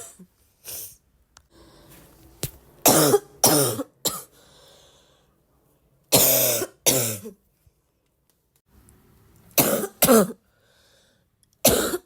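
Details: Repeated harsh coughs, often in quick pairs, about ten bursts over twelve seconds, with quieter breathing between; person says the more they cough, the more they feel like coughing.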